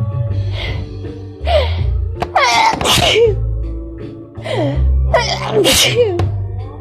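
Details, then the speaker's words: Woman on day 4 of a cold combined with allergies, with a strong tickle: several forceful sneezes in close succession, each with a sharp gasping intake before it, some background noise; sneezing fit. "It does feel good to get them out, and there is still quite a tickle though. Oh, fucking sneezing fits."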